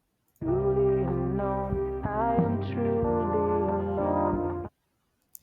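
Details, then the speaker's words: Simulated hearing loss (Cambridge model) applied to a sung music phrase: dull, muffled, high end gone, slightly less intelligible than the original, heard by normal-hearing listeners. "The second is obviously slightly less intelligible."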